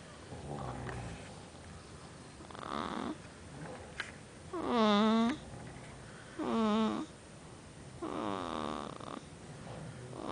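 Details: 5-day-old baby girl snoring: loud, tonal, rattling snores in a quiet room, one on each breath, with softer breaths between.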